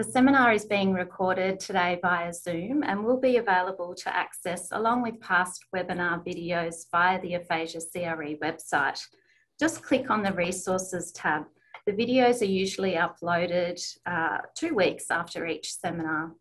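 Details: Adult woman speaking; normal speech.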